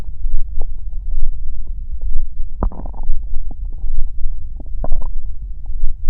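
Low rumbling and gurgling with bubbly pops, close-miked. Stomach growling, a normal gut sound.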